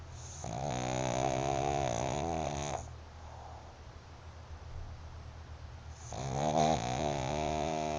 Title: Tila. Little Dog. Big snore.